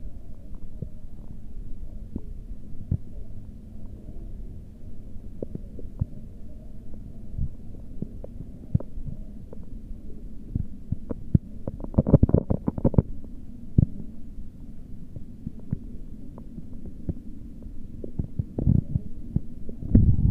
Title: Stomach and heartbeat sound 1